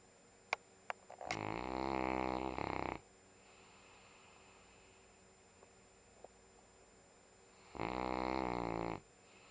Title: Sunday snoring!